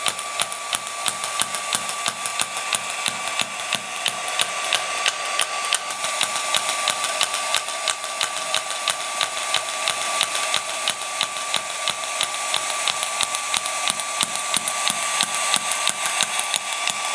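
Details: SW14 three-in-one shockwave machine applied to the ankle over cooling gel with treatment head number two: sharp regular snapping pulses about one a second over a steady hum.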